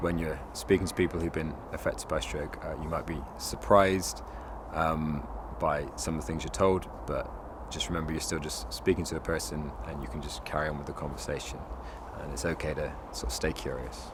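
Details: Adult speaker; no speech disorder.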